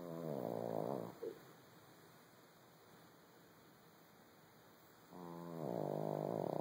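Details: Small dog napping deeply after a busy day: two rattling, buzzing snores on inhalation with a quiet pause between them; ordinary snoring in a sleeping dog.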